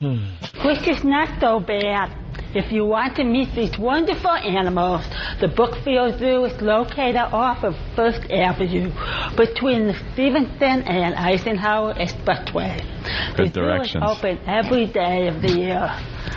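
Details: Deaf adult woman news reporter reading the outro of a televised news report; deaf speech.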